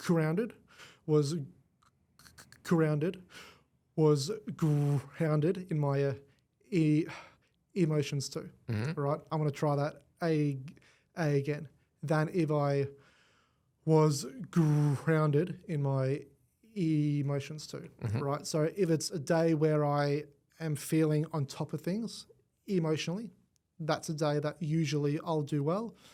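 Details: Adult man born with cerebral palsy affecting his whole left side; stutter described as a symptom of it, first noticed around age five, went away about a year then returned worse; treated with the McGuire Programme; stuttering.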